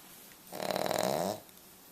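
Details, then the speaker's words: A Cavalier puppy gives one loud, rattling, fluttering snore lasting under a second against quiet room noise; snoring. "Duffy hi yeah yeah yeah you snore"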